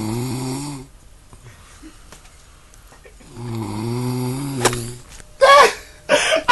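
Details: Loud snoring: two loud, droning snores, followed by brief bursts of noise.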